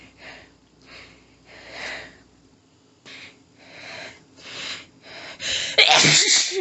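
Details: Adult female, nose tickly all day, unable to stifle: rapid run of about seven forceful sneezes in six seconds building to a loud final burst, a paroxysmal sneezing fit.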